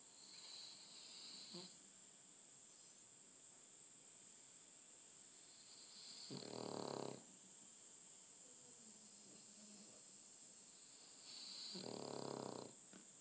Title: Snoring Puppet